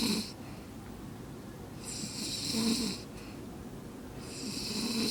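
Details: Snoring: rhythmic, rattling, buzzy snores on each breath, about 24 a minute, with steady background hiss.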